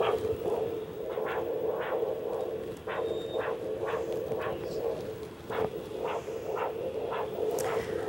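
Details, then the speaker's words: Pet dog during Doppler blood pressure measurement, probe taped over an artery on the foot once a good pulse is found: rhythmic whooshing pulse sounds at about 105 per minute over steady hiss; Doppler arterial pulse sounds. "once we've obtained a good pulse and can hear the pulsation of the artery very well you can go ahead and tape that in place so as to maintain the position"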